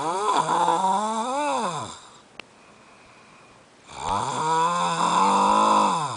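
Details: Adult snoring loudly enough to keep someone awake, with tonal, rattling, droning bursts separated by quiet pauses of about two seconds.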